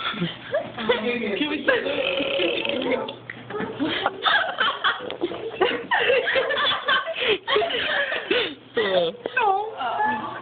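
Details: Loud, drawn-out voluntary belches from young people in a burping contest in class, with laughter and chatter around them.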